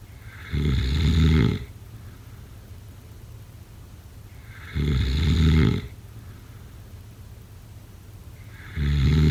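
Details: Snoring: three loud, low, rattling inspiratory snores about four seconds apart, with quiet exhalations between, roughly 14 breaths a minute.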